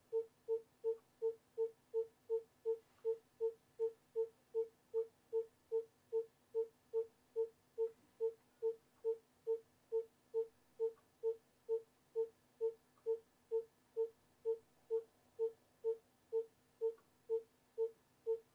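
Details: Simulated obstetric fetal heart monitoring from a nursing education simulation: steady, regular pulsing beat at about 140 per minute, a normal fetal heart rate.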